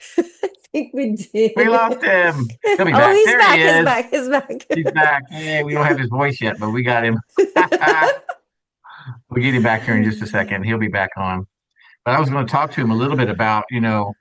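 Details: Adult speakers in conversation; typical speech.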